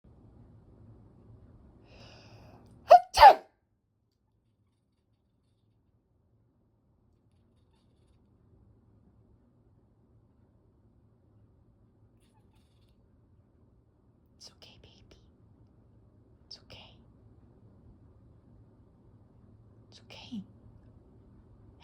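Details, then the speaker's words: Person sneezes while Lady reacts with concern: a sharp two-part sneeze, an in-breath then an explosive burst, followed by quiet and faint soft sounds. "sneezed, lady. I'm okay, baby. I'm okay."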